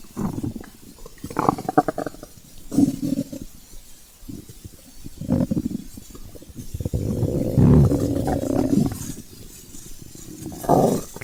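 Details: Low gurgling rumbles and drawn-out growls in irregular bursts, bowel sounds of a hungry stomach: stomach growling (borborygmi).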